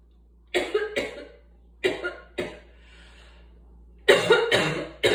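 Repeated harsh coughs in short clusters, about seven in all, from an adult with asthma.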